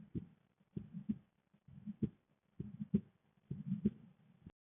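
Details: Female heartbeat with visible neck pulse: steady paired low thumps at about 66 beats a minute.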